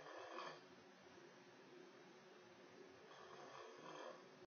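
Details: Two rough, rattling snores over low steady breathing in a quiet room; a person snoring very loudly.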